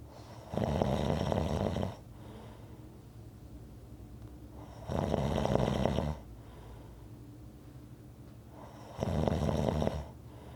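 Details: Rhythmic snoring recording: loud, rough, rumbling snores on each breath in, about 15 breaths a minute, with quiet breathing out between them.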